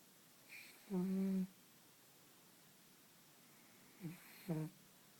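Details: Sleeping pug snoring: short, low, tonal snorting sounds on breathing with quiet gaps between.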